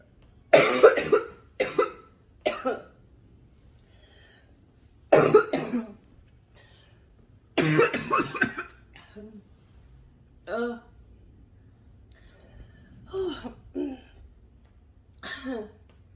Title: Smoking and Coughing